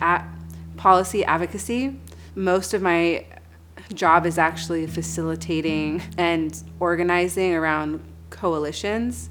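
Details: Stuttering in an adult woman who has stuttered since childhood; her stutter returned during a stressful job.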